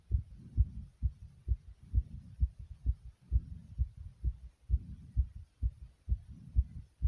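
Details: Heart pounding hard inside the chest: strong, regular, fast low thumps at about 130 beats a minute, with a soft whooshing rumble between beats.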